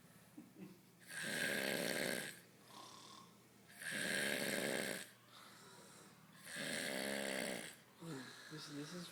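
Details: Adult man passed out drunk on a couch: loud, rasping, deep snores repeating about every three seconds, with quiet exhalations between them.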